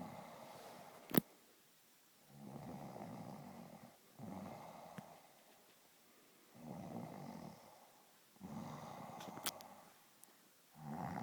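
Low rattling snores, about five breaths in eleven seconds with quiet gaps, plus a brief snort; ordinary snoring during sleep.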